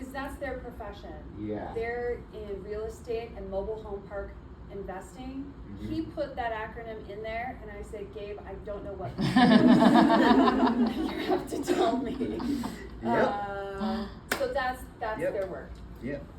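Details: Adult woman speaking, with brief replies from others; typical speech.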